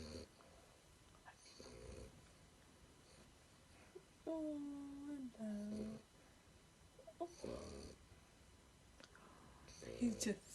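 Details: Sleeping French bulldog, eyes occasionally opening while still asleep, gives quiet snorting snores, some breaths carrying a squeaky, whistling tone through the narrow airway; snoring.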